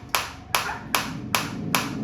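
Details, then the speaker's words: Focused shockwave therapy (ESWT) device with frequency raised from 120 toward 150–180/min: sharp regular clicks over a low hum, about five in two seconds, the faster rate audible. "Frequency में आपको change आता दिख रहा है। Sound के साथ भी पता चल रहा है।"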